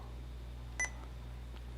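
A single short electronic beep over steady low room hum, a keypad press on an infusion pump.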